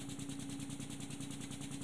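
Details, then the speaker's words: SensorMedics 3100A high-frequency oscillatory ventilator running, bias flow being raised from 20 to 25–30 L/min to increase mean airway pressure; steady rapid buzzing flutter with constant hum, about ten cycles a second. "this is a high-frequency oscillatory ventilator as you know this is the sensor medics 3100 a"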